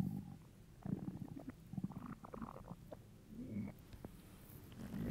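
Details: Soft, low gurgling and rumbling stomach sounds from hunger over a quiet background; hungry stomach rumbles (borborygmi) in a male.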